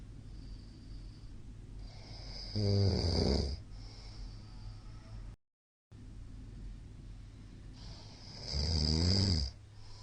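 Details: Middle-aged man snoring during sleep, recorded 13 March 2022, described as very loud: low, rattling snores on breathing in, two in ten seconds, with soft noisy breathing between.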